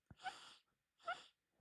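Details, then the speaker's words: Adult wheezing, suspects their back is poking their lung: two noisy breaths with a high, whistling musical tone; wheeze. "I'm like wheezing. You hear that? I think it's my back is like poking my lung or something."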